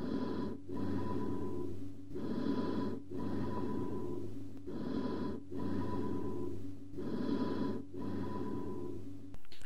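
Four full breath cycles at about 26 breaths a minute, each a hollow, ringing inspiration and expiration with a short pause between them. These are amphoric breath sounds, like blowing across a bottle's mouth, heard over a large air-filled cavity in the lung.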